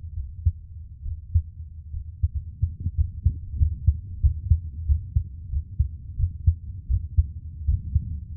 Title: [ASMR] Relax To My Heartbeat For Sleep ❤️ 😴